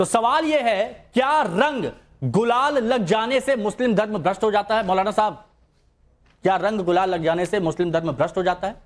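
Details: Adult speaker; Normal voice.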